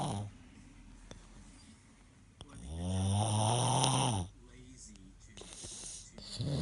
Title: Snoring(1)